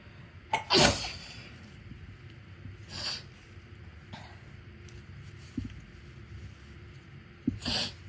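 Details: Self-induced sneezes during a cold, from a tickle in the left nostril: a few sudden hissing sneeze bursts with quiet breathing between them.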